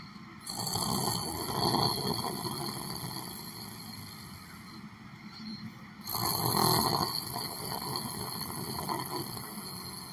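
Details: Snoring.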